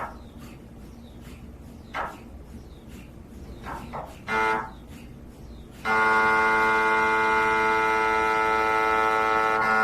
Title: MRI내부모습 MRI소리 MRI sounds MRI